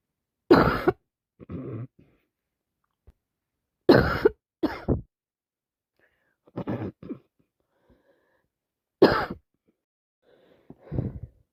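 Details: Person with a worsening cold, non-stop sneezing and nose blowing: repeated short harsh coughs in pairs, about four bouts, with throat clearing; cough.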